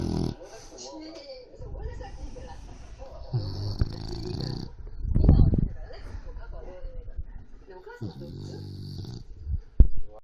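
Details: Deep, rumbling snores with soft whistling sounds between them from a dog sleeping so deeply it does not wake when handled a little; normal snoring during sleep.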